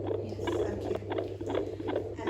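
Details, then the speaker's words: Doppler probe moved over gel on the mother's abdomen, pregnancy at least 12 weeks: rapid, regular whooshing galloping-horse fetal heartbeat, counted at 140 bpm, normal range. "If you find the sound like a galloping horse, it usually fast rhythm, that is the heartbeat sound."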